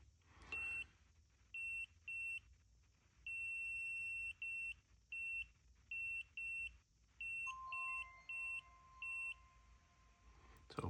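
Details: CF500 laser and electrical stimulation device, buttons pressed while resetting settings after choosing the default 500 Hz frequency: a series of short high-pitched electronic beeps, then a steady lower tone.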